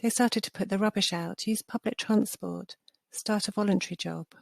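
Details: Adult speaker; Normal fluent speech.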